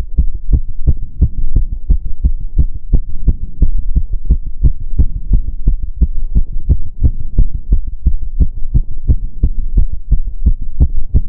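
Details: Own heart sound while doing step-up exercise: rapid, regular low thumping heartbeats; an exercise-induced fast heart rate.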